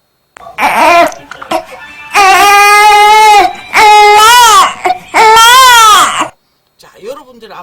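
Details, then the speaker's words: Loud, rhythmic 'eh-eh' infant cries with brief breaths between: a hungry cry mixed with gassy discomfort, the baby too unsettled to feed, calling for a pause to burp before feeding again. "그래서이 얘기는 지금 배고픈 소리도 또 냈어요 그럼 이게 무슨 말이냐 그러면 나 지금 배는 너무 고픈데요 속이 안 좋아서 못 먹겠어요라고 얘기하고 있는 거거든요"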